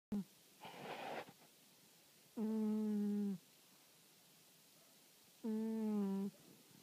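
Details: Rhythmic sleep breathing with a noisy intake and steady humming, groan-like outbreaths about every three seconds, in a quiet room: snoring.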